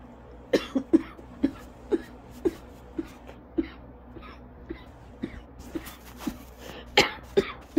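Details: About fifteen harsh cough bursts in quick succession with short gasps between: a persistent coughing fit during an asthma flare, ongoing about 30 minutes, leaving the person lightheaded, dizzy and unable to take normal breaths.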